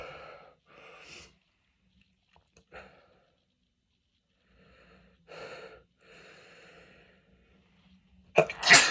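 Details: Faint breathing and sniffing in a quiet room, ending in one loud sneeze from an adult with a cold who is sneezing repeatedly.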